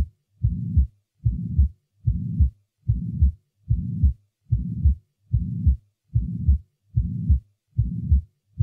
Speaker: since the pressure remains higher throughout systole in the ejecting chamber than in the receiving chamber the murmur is continuous throughout systole the following recording will introduce a pansystolic murmur having an even intensity throughout systole